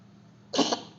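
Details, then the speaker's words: A cat coughing on a bed; the owner wonders whether it has a cold or swallowed fur: a single short, harsh cough against quiet room noise; cough. "Только не на постель. Как маленький ребенок кашляет. Ну, что, порядок? Все, откашлялся?"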